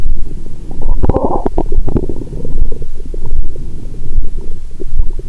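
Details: Active bowel sounds heard through a stethoscope on the abdomen of an adult after a large Christmas dinner with wine, taken after a 22-hour fast. The belly is still swollen, and there is loud, almost continuous low gurgling and rumbling.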